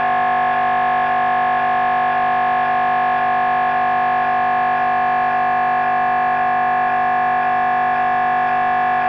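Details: MRI brain scan recording: loud, steady buzzing tone with fast regular pulsing about two a second; normal scanner noise.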